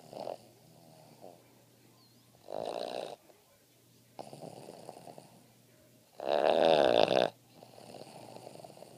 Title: Boston Terrier Gretzky Snoring